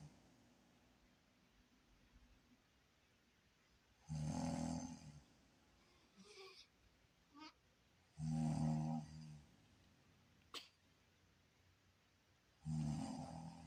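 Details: Loud, rumbling snores about every four to five seconds from a sleeping mother, with her baby nearby.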